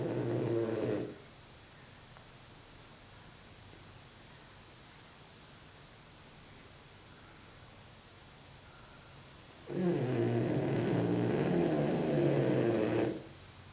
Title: French Bulldog trying to stay awake and snoring